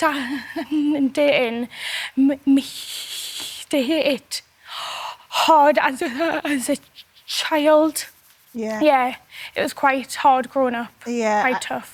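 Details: Stammering in an adult male singer, who has had a stammer since his school years.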